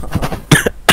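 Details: Two abrupt, harsh bursts of an adult cough, recorded close to a microphone with low room noise during gaming.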